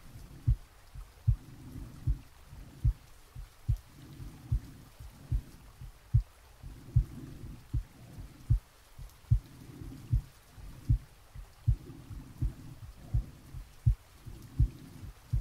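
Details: Real heartbeat recorded from the chest of a sleeping person, with soft rain added: steady low normal heart sounds at about 74 beats a minute.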